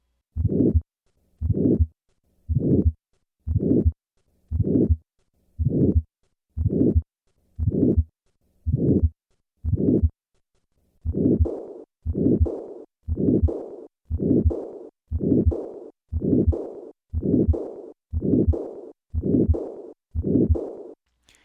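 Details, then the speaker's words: Teaching recording of a systolic ejection murmur of aortic stenosis played alone, then with the softer diastolic blowing murmur of aortic regurgitation added, contrasted with a PDA murmur: to-and-fro murmur. "in contrast compare this sound to that of a to and fro murmur as it approaches the second heart sound I will begin with just the systolic component of aortic stenosis and then add the diastolic component of aortic regurgitation"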